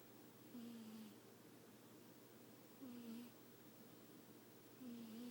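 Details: Cat snoring gently in sleep: soft, short buzzing purr-like breaths about every two seconds over quiet room noise.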